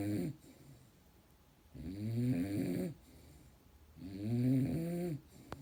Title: The Weed Whacker Snoring Dog